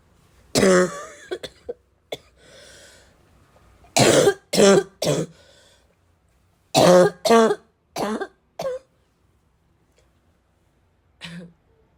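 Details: Woman's raw barking cough: clusters of harsh, forceful bursts in quick succession, following chest wheezing and initially unrelieving coughs that grew more intense.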